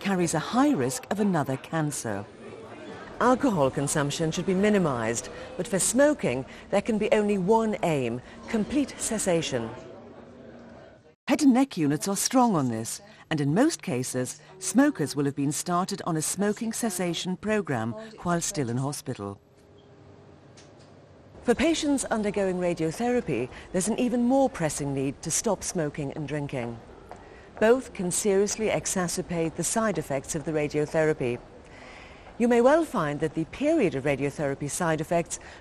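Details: Adult narrator; typical speech.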